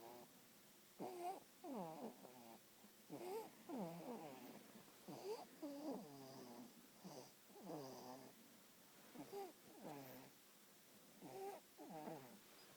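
Repeated rough, rattling breathing sounds recurring about every two seconds, with quiet gaps between; snoring during sleep.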